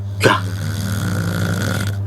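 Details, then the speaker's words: Heavy snoring from a sleeping husband: a loud, rough onset followed by a long, low, droning rumble, likened to a war machine. "Kenapa ngorok suamiku kayak begini ya? Ini ngorok atau mesin tempur sih?"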